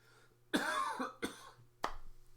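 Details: Cough from an adult who has been sick for the last couple of weeks, heard while talking.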